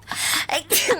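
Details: Nine sneezes in a row from a Korean streamer during a live broadcast, replayed and laughed about as a legendary sneezing fit.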